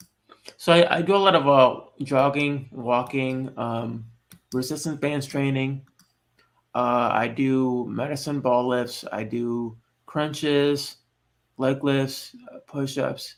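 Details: Adult man born with cerebral palsy, who says he walks and talks differently from others; finding: mild dysarthria in cerebral palsy.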